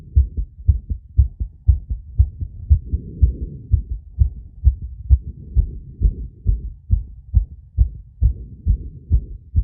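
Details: Phonocardiogram of an adult's heart right after breath-holding with rapid squats to induce a temporary arrhythmia: fast, strong beats at about 130 a minute, unevenly spaced, with soft rushing between beats; rate peaks at 170.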